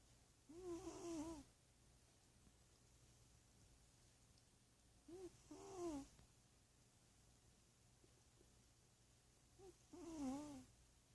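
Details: Sleeping pet cat snoring, which a vet said is normal; healthy, happy cat. Three soft, whistling, wheezy breath sounds about every four to five seconds, roughly 13 breaths a minute.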